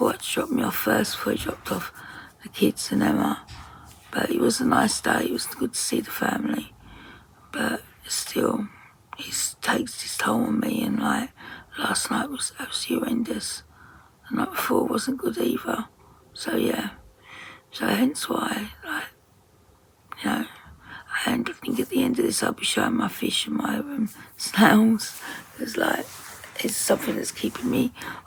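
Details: Woman with very tight, stressed muscles around her vocal cords, voice sometimes distorted or hard to understand, attending speech therapy; muscle tension dysphonia.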